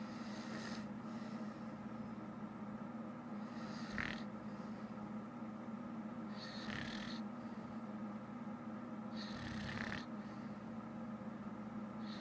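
Soft rhythmic snoring breaths, about 20 a minute, partly masked by a steady background hum.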